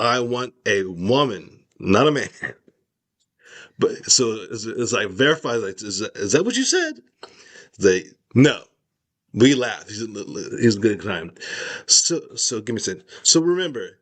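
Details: Adult male with aphasia after a stroke, with word-finding difficulty and trouble saying words: aphasia.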